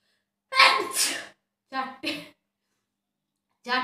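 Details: Self-induced repeated sneezing during a 30-sneeze challenge: a forceful sneeze followed by short voiced breaths and the start of another sneeze.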